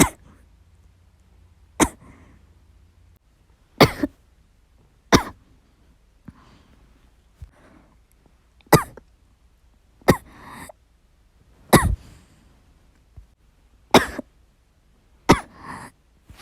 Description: I was playing the game while I was recuperating, but I was coughing so badly I couldn't do it well.